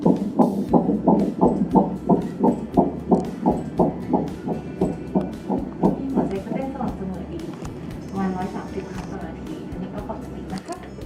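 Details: Fetal heartbeat heard for the first time at 10 weeks 2 days of a singleton pregnancy: rapid, regular whooshing beats near 176 per minute.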